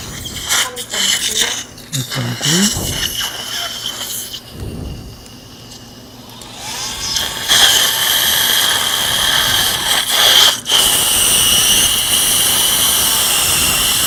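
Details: High-pitched whining drill runs in bursts over room noise, with brief pauses: an implant drill preparing bone sites in the upper right jaw of a 71-year-old woman with periodontal tooth loss, near fresh extraction sockets.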